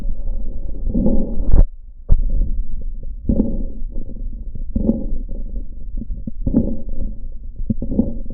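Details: Lung auscultation quiz recording: low-pitched rumbling, snoring-like breath sounds over repeated cycles with scattered clicks; rhonchi, possibly with crackles.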